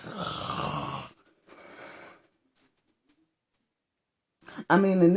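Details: Adult woman snoring while lying asleep at night, partner reports she snores every night: long raspy noisy breath then softer breathing, then a man's voice.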